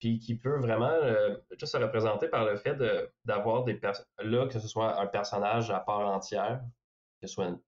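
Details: Stuttering in a young male filmmaker who is a person who stutters.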